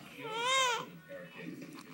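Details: A single rising-and-falling infant wail followed by softer fussing sounds from a baby girl who was hungry and had hiccups; hunger cry.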